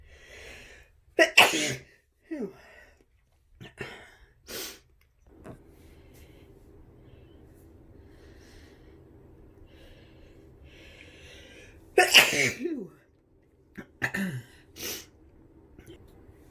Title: Tickly sneezes and blows 🤧